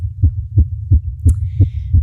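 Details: Very fast heartbeat in a female, picked up by a microphone: regular low thumps at about 175 a minute under a steady hum.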